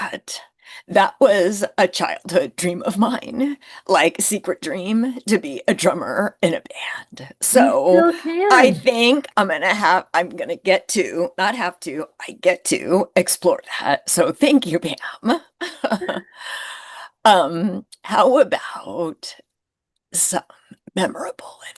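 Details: Woman who identifies with the spasmodic dysphonia community, describes her voice condition as neurological and long-standing enough to feel normal, and reports frequently not being understood on the phone; spasmodic dysphonia.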